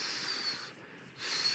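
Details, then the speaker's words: Person imitates a wheeze by mouth with airy, hissing whistle-like sounds, demonstrating airway narrowing from bronchial smooth muscle contraction: wheeze (imitated). "Haz un silbido de sibilancia. No sé chiflar. Dale. Eso, sí, así se oyen las sibilancias, sí, así, silbidito, como un silbidito."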